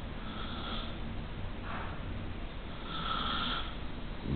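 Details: Old woman snoring while asleep in a hospital neurosurgery ward, August 2009: low rumbling, rough, rattling breaths with faint whistling on breathing.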